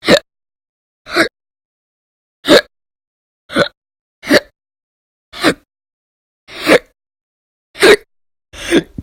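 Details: Persistent hiccups recorded audio-only in January 2020, described as violent, loud, silent and minute; earlier bouts lasted roughly 2–13 hours a day in late December 2019. Sharp, abrupt hiccup sounds about 25 a minute, slightly irregular, with silence between.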